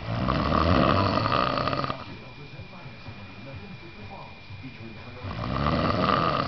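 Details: A man snoring on the couch: loud, coarse, fluttering snore on two breaths with a quiet pause between; ordinary heavy snoring.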